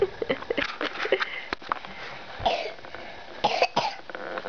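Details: A sick child coughing while singing "Rolling in the Deep": several short cough bursts with brief voice sounds between them in a small room.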